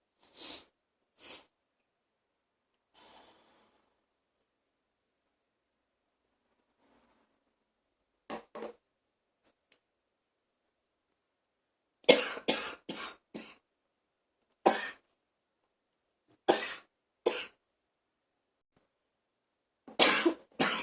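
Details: Person feeling like vomiting in a bathroom: repeated harsh, forceful coughs in short clusters with retching effort, in a small echoing room; harsh cough with gagging.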